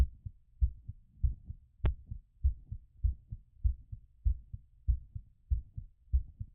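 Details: Auscultation during post-exercise recovery: regular, fairly quick lub-dub heart sounds at about 98 beats a minute.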